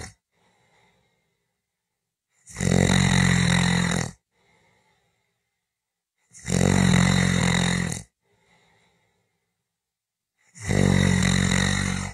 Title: 5 Minutes of snoring Audio